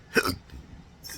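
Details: Adult with rare condition since December 2015 after surgery causing multiple nerve damage (pudendal, phrenic, vagus nerves affected, diaphragm contracting involuntarily): single sharp abrupt hiccup with a short voiced catch, then quiet breathing; hiccup.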